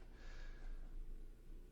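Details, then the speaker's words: Pug snoring in the background of a quiet room: faint, low, rough snorting breaths while sleeping. "So what we can do, you can probably hear my pug snoring in the background. Oh well, I am not a professional tutorial giver by any means, so if you hear my dog snoring, that's just a part of the game, a part of the struggle."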